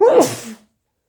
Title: wet sneezes